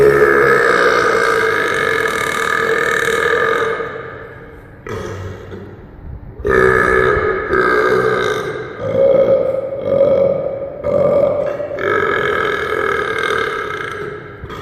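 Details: Long, loud, drawn-out belches, deliberately forced one after another and echoing in a small room; burping.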